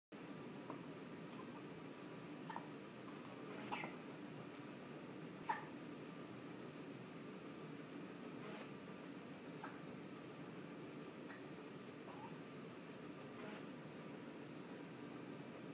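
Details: One-day-old baby hiccuping: faint, brief, regularly spaced hiccups about one every second or two over steady room noise; ordinary hiccups.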